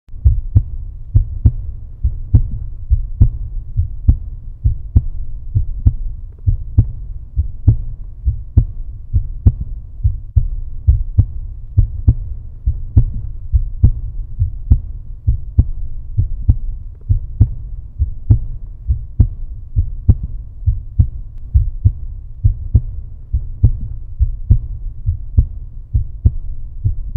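Steady, regular heartbeat at about 67 beats a minute over a low continuous hum.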